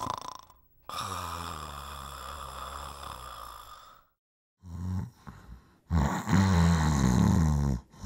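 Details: Man snoring, from a staged comedy sketch: loud, low, rattling snores on breaths in, separated by brief silent pauses.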